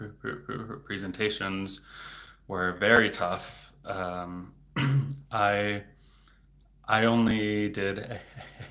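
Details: Adult male speech-language pathologist who has stuttered since age eight (third grade), severity increasing in his teens and currently in a period of more stuttering; word and part-word repetitions and blocks: stuttering.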